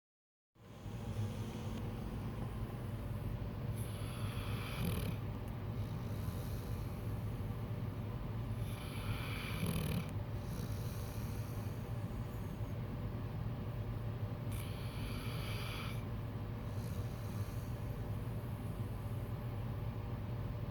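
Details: Soft, regular breathing with faint snoring, about 11 breaths a minute, under a loud steady hum. Snoring.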